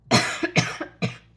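Three quick, loose coughs in about a second from an adult with a head cold.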